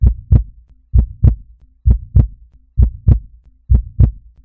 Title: Heartbeat